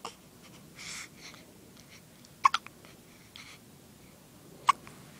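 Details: Infant with hiccups: a few short, high, squeaky catches of breath spaced a couple of seconds apart, likened to a squeaking toy penguin.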